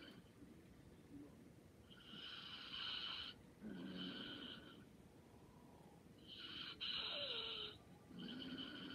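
Soft, hissy rattling breaths with quieter pauses between them, about 14 a minute; light snoring during sleep.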